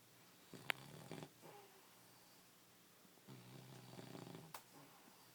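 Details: English bulldog asleep: two low, rumbling, fluttering snores a few seconds apart with brief snorting clicks; loud sleep snoring.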